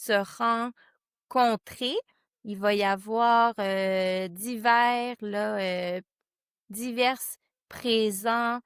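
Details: Stuttering in a board member of a stuttering association, with part-word and word repetitions.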